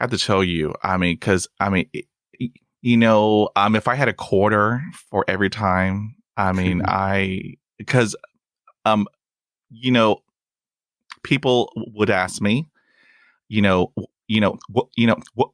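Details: Stuttering in a real adult male who stutters and says his stuttering is lifelong and comes and goes unpredictably; he reports blocks with long pauses and uses helper words.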